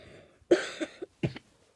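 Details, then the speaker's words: Adult man with a persistent, all-day cough: two harsh coughs close together, each with a brief follow-on burst, in a quiet room. "So, for about 5 minutes here, you're just gonna watch me cough my freaking lungs out like crazy."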